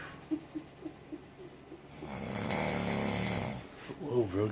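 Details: Snoring: rhythmic rough snorting breaths, then a longer noisy rumble, with talk in the room.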